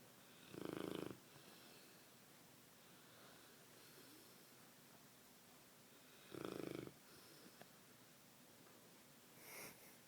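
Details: Puppy in deep sleep, barely able to open its eyes, snoring: two rattling snores about six seconds apart, a softer third at the end, roughly ten breaths a minute.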